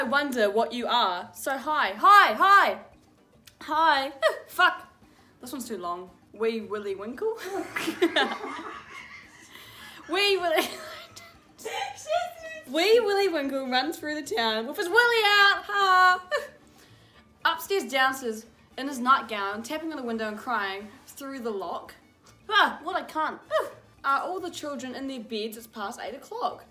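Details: Teenager with Tourette syndrome reading nursery rhymes aloud: involuntary vocal tics, including swearing and inserted words, interrupting the reading.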